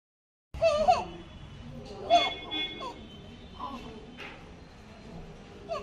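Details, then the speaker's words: Sleeping 1.5-month-old infant, likely in hospital, with repeated high squeaky noises on breathing in: inspiratory stridor from laryngomalacia. "but I would like to check on there is a noise while h"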